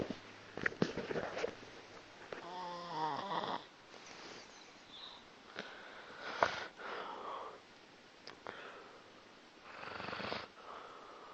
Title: molly's delightful snoring.